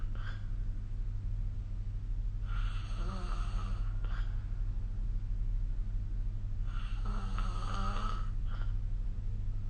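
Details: Snoring during sleep recorded with the SnoreLab app: two long rattling snores about four seconds apart over a steady low room hum.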